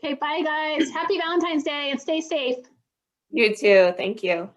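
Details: Adult woman speaking, with a brief reply from a second voice; Normal voice.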